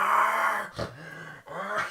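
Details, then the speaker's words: Adult man imitating his own former loud snoring: rough, low, growling sounds with a brief snort, snoring with sleep apnoea that he attributes to obesity; simulated, not real. "let's just snore it to the point of losing breath like I would stop breathe imagine you've got this animal just this war or"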